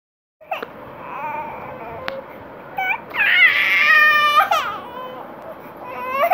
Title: Cutest Babies Crying Moments - Funny Cute Baby Video